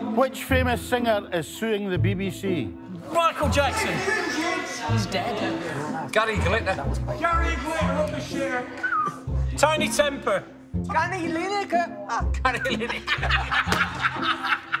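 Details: Adult man with Tourette syndrome since childhood, a genetic neurological condition, almost unable to suppress tics, speaking at a Tourette camp; involuntary vocal tics including obscene or offensive words interrupt speech; Tourette syndrome vocal tics.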